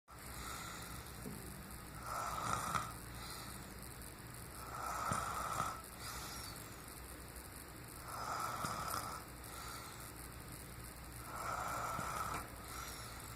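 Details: Tired uncle snoring: loud rasping snores about every three seconds, roughly 20 a minute, over steady room noise.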